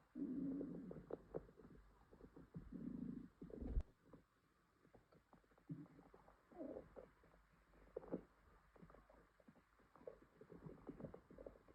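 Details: Low gurgling rumbles and bubbling in bursts with quiet gaps from a girl's upset stomach with stomachache and diarrhea: active borborygmi, stomach growling.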